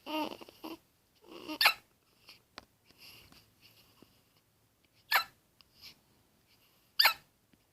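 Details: Young child's hiccups likened to a squeaky toy: baby fussing and breathing, broken by three abrupt gulping hiccups a couple of seconds apart.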